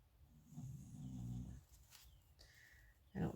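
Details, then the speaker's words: Resting dog snoring: a single low, fluttering snore breath, with faint paper rustling and a soft thump nearby. "if you can hear my dog snoring but she is snoring"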